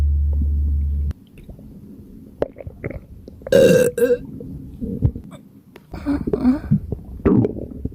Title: Burps from my extremely gassy and upset stomach💓💓💓